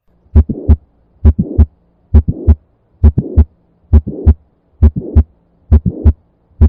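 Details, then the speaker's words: Mitral valve prolapse (floppy valve, Barlow syndrome): regular heart sounds at about 67 a minute with a mid-systolic click and a rough late systolic murmur filling later systole. "the first one is going to be mid-systolic click which is due to the undue stretching of the chordated DNA and subsequently there would be a late systolic murmur due to defective cooperation of the valley floods"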